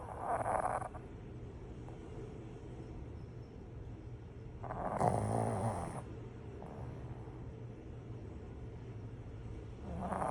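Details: Sleeping pug snoring: slow, rattling snores about every 4.5 seconds over steady background noise.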